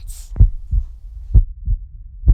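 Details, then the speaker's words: Regular deep, muffled low thumps in pairs, about 75 a minute: a heartbeat sound effect in a dramatized short film for a pregnancy center, not a real recording. "Wow, is that you, Mama? I hear your heart beating. I love you so much."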